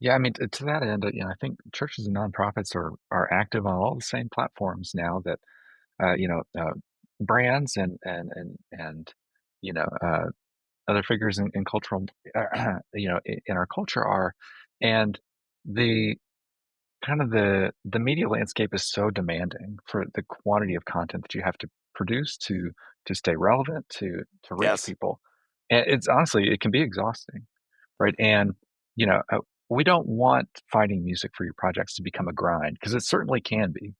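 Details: Adult male speaker; normal voice.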